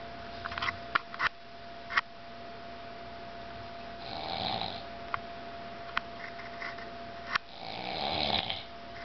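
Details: Grandfather and another family member sleeping and snoring on a farm vacation: two slow, rasping snores about four seconds apart, with clicks and room noise; ordinary snoring.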